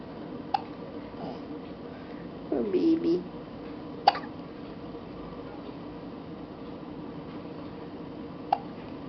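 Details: hiccups: Baby's first hiccups, three brief, sharp hiccup clicks spaced several seconds apart, with soft voices and room noise in the background.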